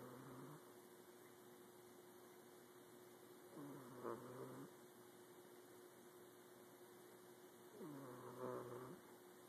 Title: Cat snoring